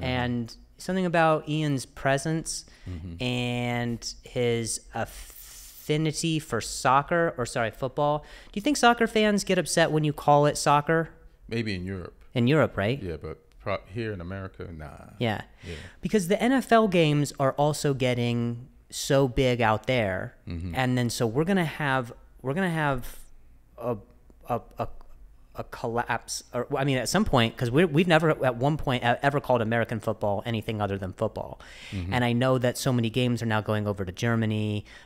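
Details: Adult male who stutters, speaking with word repetitions: stuttering.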